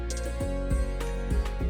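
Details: Throat-sound vocal tic demonstrated by an adult woman with Tourette syndrome, a tic disorder; she tics when stressed or excited.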